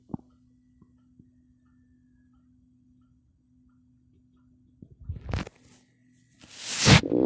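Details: Quiet low hum with faint clicks, then a short burst of low gurgling stomach growling (borborygmi) and a loud rustle, associated with coffee.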